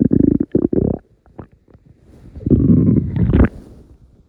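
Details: Low gurgling rumbles and bubbling from the abdomen in the morning; ordinary stomach rumbling of digestion, bowel sounds (borborygmi).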